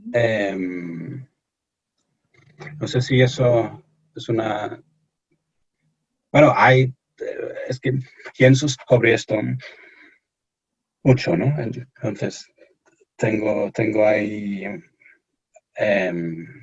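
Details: Stuttering in an adult male from England speaking Spanish as a second language in an interview; he reports anxiety and pressure when speaking.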